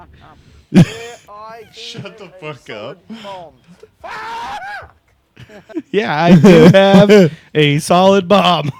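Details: Man with Tourette syndrome whose tics make him repeatedly say words he is trying not to say, with nervousness noted to make such tics more likely; vocal tics (Tourette syndrome).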